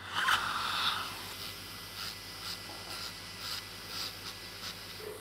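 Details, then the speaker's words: Thin high whirring in short repeated bursts from a dental handpiece polishing a new composite restoration on a front tooth. "okay nearly there last little bit of polishing you doing really well yeah"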